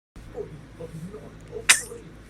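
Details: Soft snuffly breathing, then one sharp, hissing sneeze burst; a single sneeze.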